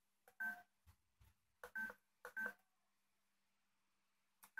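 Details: Short electronic beeps with button clicks as the rate and a volume to be infused are keyed into an infusion pump; infusion pump keypad beeps.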